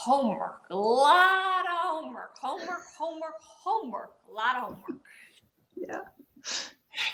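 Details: Adult woman speaking spontaneously, with aphasia and paralysis after a gunshot wound to the head in 2011, about ten years after the injury; aphasia.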